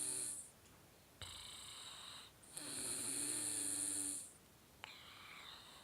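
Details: Light nasal snoring: hissing, whistling breaths through the nose with a soft rumble underneath, in slow cycles.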